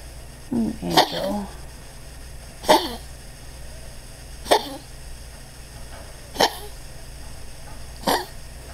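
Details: Dog's coughing episode: five short, sharp bursts about two seconds apart; vet attributes the cough to heart disease plus collapsing trachea, x-ray showing an enlarged heart pressing on the trachea; dog on day two of transfer factor, very tired.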